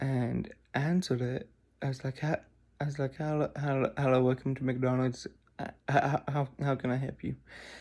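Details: Adult who says he stutters tremendously when off camera, with audible repetitions; stuttering.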